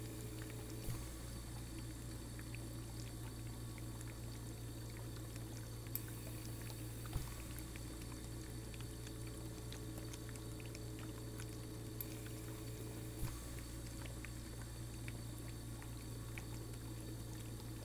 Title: ASMR Oxygen Concentrator